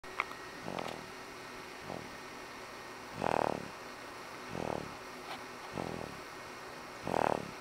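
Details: A boy snoring for the first time: rhythmic low rattling snores, about six in seven seconds, over faint room noise during sleep.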